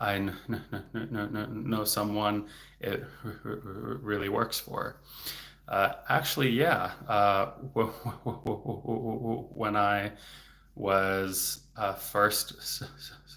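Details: Adult male speech-language pathologist who has a stutter, speaking publicly in a livestream: stuttering.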